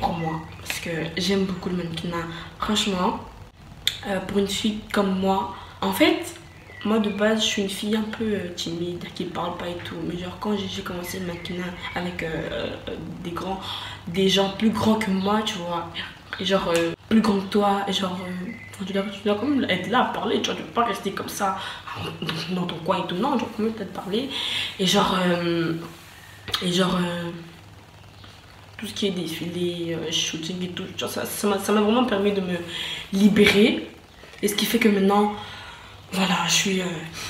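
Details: Stuttering in a French-speaking woman who says she stutters.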